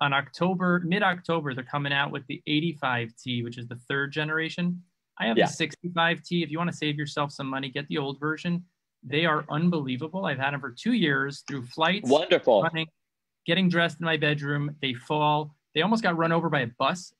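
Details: Adult man, conversational speech; no speech disorder.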